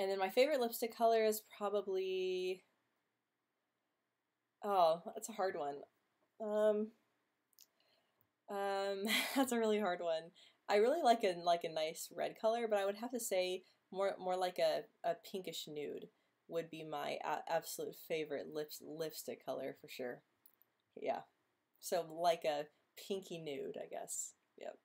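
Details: Female host who stutters, speaking in a stuttering livestream hangout; stuttering.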